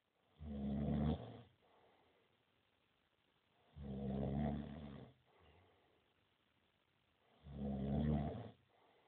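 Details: A sleeping friend, recorded on a mobile phone, gives three loud, low rattling snores on breathing in, each followed by a quieter breath out, about 17 breaths a minute. Snoring.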